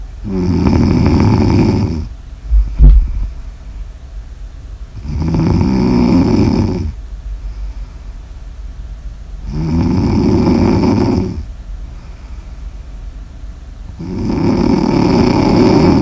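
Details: Sleep snoring in an ASMR recording: loud, rough, rattling snores on each breath in, about four breaths over sixteen seconds, with quiet breathing out between.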